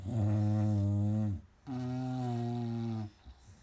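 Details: Beaux, Duke and Daisy snoring: two long, deep, buzzing snores with a pause between, loud and steady in tone.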